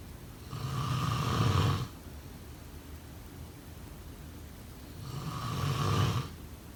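Two loud, low rattling snores on breathing in, about four to five seconds apart, with quiet exhalation between: ordinary snoring.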